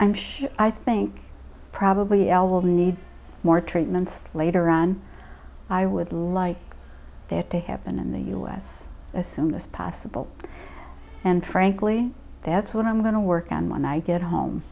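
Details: Adult woman; typical speech.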